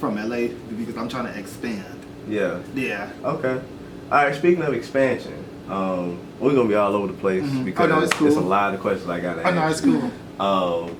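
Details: Adult male speaker; normal speech.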